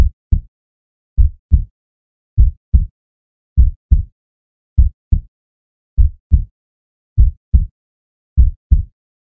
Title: 2 Hours of Heart Sounds, Deep Heartbeat for Relaxing, Meditation and Sleep